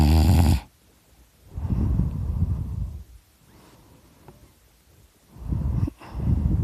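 Deep, low rumbling snores on repeated breaths, with quieter pauses between; ordinary heavy snoring.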